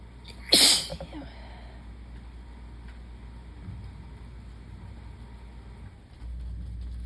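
One sharp, explosive sneeze burst near the start, then quiet room noise.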